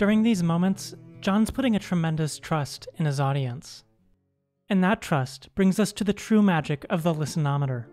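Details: Adult narrator; fluent narrator speech.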